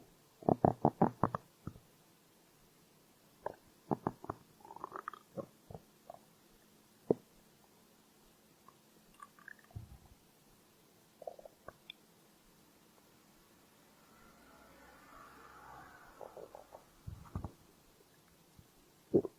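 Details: Stomach growl recorded as a hunger sound: irregular soft gurgles and short rumbling bursts with quiet gaps, ordinary borborygmi.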